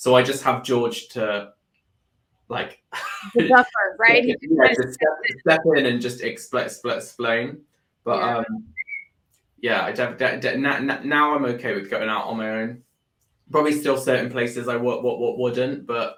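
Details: Adult man with Tourette syndrome that began about four years earlier after seizures and brain swelling; motor and vocal tics (whistling, swearing, word repetition) plus a stammer that followed a loss of speech. Vocal tics with stammer.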